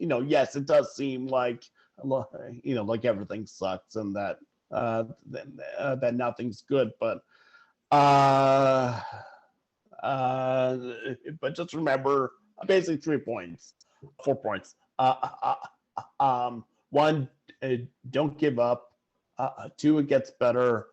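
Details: Adult male sportswriter who stutters, speaking while stuttering; he also lives with depression and cerebral palsy; stuttering.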